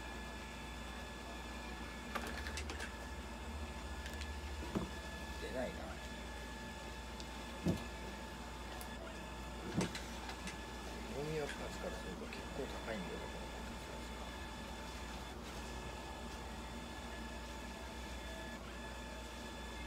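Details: ECG machine printing: steady machine hum and whine with scattered clicks as the recorder runs during a Toy Poodle's blood pressure and ECG measurement at a veterinary clinic.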